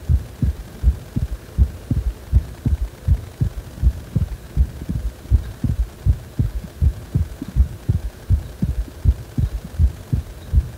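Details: Regular low thumping heartbeat at about 80 beats a minute with a steady low hum underneath, described as a heart that feels wobbly ("guragura").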